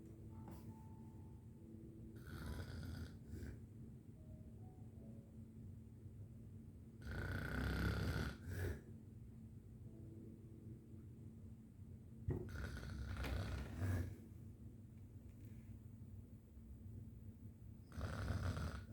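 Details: Snoring: irregular rough snoring breaths over steady room hum, with several snorting bursts in under twenty seconds.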